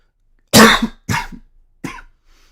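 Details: Cough and throat clearing.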